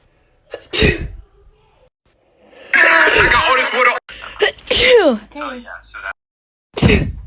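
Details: Woman sneezing, wondering if she is allergic to pollen and thinking she has a fever: several forceful, wet sneezes with sharp intakes of breath between, some followed by a voiced sound.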